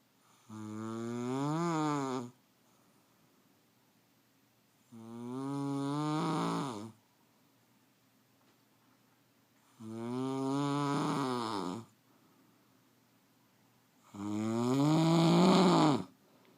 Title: My wife snoring